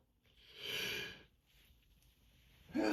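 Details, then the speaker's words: Worn-out morning sneezing from seasonal allergies, tearing through tissues: a breathy, hissing sneeze, then quiet breathing, then the sharp onset of another sneeze. "These allergies. Been giving me a rough time this year. It's gonna be another long day."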